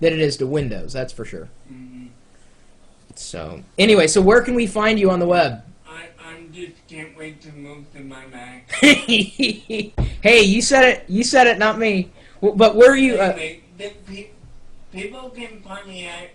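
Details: 32-year-old man with cerebral palsy speaking in real conversation; cerebral palsy speech (dysarthria).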